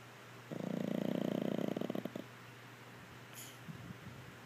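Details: Pug passed out asleep gives a single rattling, fluttering snore lasting under two seconds in a quiet room; snoring.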